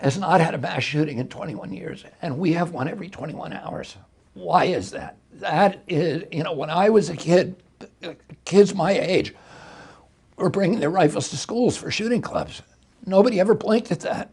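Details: Adult male with spasmodic dysphonia, onset in 1996 at age 42 after a neurological injury; he attributes it to his brain sending wrong signals to his vocal cords rather than to the vocal cords themselves, and says his voice was very strong before onset.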